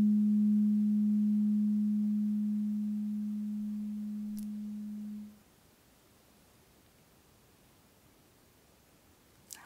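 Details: Simulated ASMR audiologist hearing-frequency role-play: tuning fork number six of eight (played lowest to highest frequency) is struck and held to one ear, giving a steady low pure hum that fades over about five seconds, then quiet.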